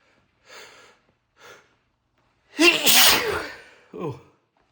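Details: Adult reacting to sneezing powder, tried for the first time, unlike the usual sneezing fits: two quick sharp inhalations, then one forceful explosive sneeze with a voiced burst and a brief vocal exhale.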